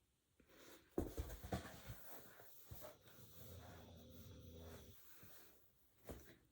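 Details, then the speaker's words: A sleeping female dog snoring loudly: a low, rough, drawn-out rumble over paper rustling and handling noises in a quiet room. "I don't know if you can hear the dog snoring. She snores really loud."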